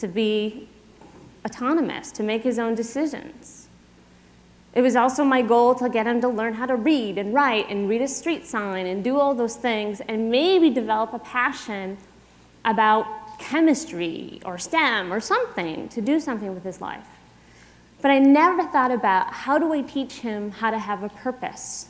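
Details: Adult woman; typical speech.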